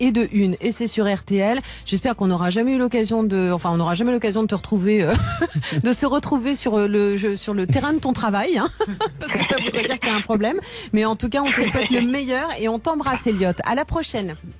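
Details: Adult radio host; typical speech.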